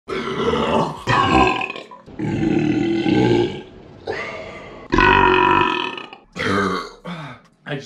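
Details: Several long, loud, deliberate voiced belches with brief gaps, forced on purpose during a burping contest; burping.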